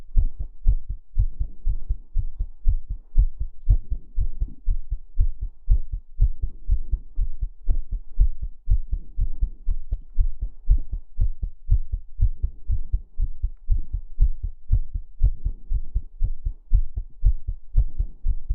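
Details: Steady, regular low thumping heartbeat in paired beats with a soft low hum between them, presented as a realistic womb-like heartbeat sleep-relaxation recording; normal heartbeat.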